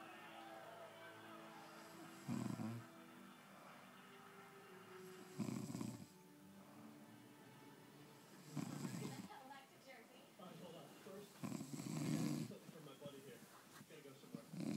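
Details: Adult man snoring, loud rattling snores about every three seconds, roughly 19 a minute, with television talk and music in the background.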